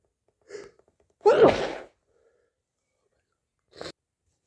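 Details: Sneezing on a hay fever day: a quick inward breath followed by one forceful sneeze and a softer sneeze after a pause.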